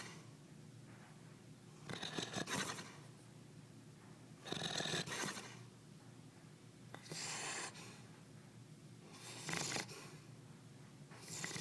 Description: Rocky my black lab is passed out upside down on my couch. He starts snoring and flapping his cheeks.